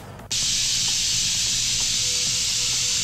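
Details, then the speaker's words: Continuous loud hissing air and water spray from a Yirro-plus self-cleaning dental mirror, viewed under microscope at six magnification; water runs off the mirror whether stream or spray. "we'll go ahead and put a little water on our mirror and you really you really don't get any water staying on that mirror no matter whether it's a stream or it's a spray"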